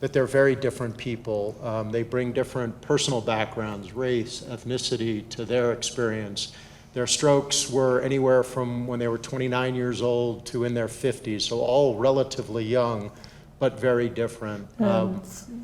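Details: Adult male speaker; normal speech.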